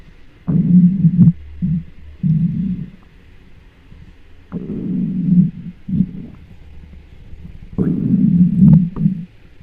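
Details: Hungry stomach recorded with a microphone: loud, low gurgling rumbles coming in irregular bursts: hunger-related bowel sounds (borborygmi).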